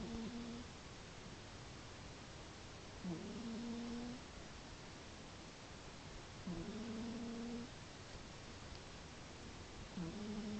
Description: I was watching a movie and I heard these strange sounds. I looked over and realized my cat was snoring.